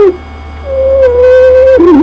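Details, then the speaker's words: A loud, steady, high-pitched whistling breath sound from a CPAP training lung-sound series: stridor, an upper airway obstruction sound as with croup or foreign body, heard loudest with the stethoscope over the trachea. "okay that long sound was Strider Strider is an upper Airway obstruction it can be commonly heard uh with cro or an upper Airway obstruction such as a foreign body obstruction"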